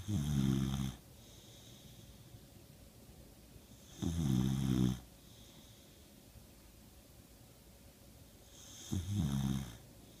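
Three loud, rattling snores about every four seconds, roughly 14 breaths a minute, with quiet pauses between them. Ordinary sleep snoring.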